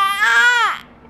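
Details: Baby boy crying: a single short, loud infant wail that falls off at the end.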